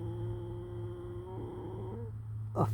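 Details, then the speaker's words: Horse snoring in sleep: low, steady droning snore ending in a short rushing breath, faint background hum; snoring. "Just in case you haven't had your snoring horse video"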